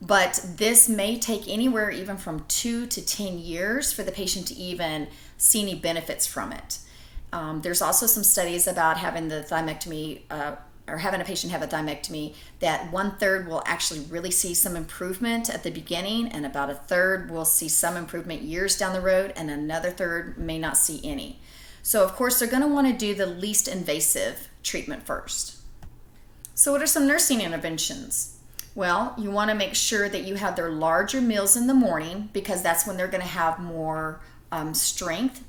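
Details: Adult woman speaking; normal speech.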